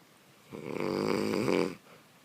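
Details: One loud, buzzing, vibrating snore lasting just over a second on an in-breath; snoring.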